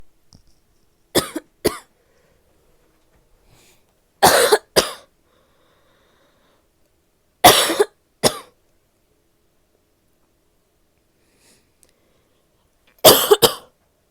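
Four bouts of harsh, barking coughs, two coughs each, separated by quiet pauses.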